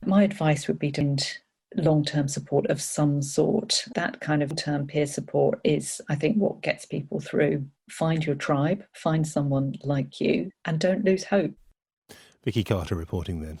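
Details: Adult woman speaking; normal speech.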